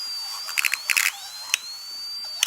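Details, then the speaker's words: Dental implant placement, lower first bicuspid area: high, thin high-speed drill whine with brief gritty crackling bursts as the bur marks the bone about 3 mm behind the adjacent front tooth. "so the first thing we're going to do is we're going to mark the spot about three millimeters away behind the uh the adjacent front tooth and uh we're going to mark it with a high speed"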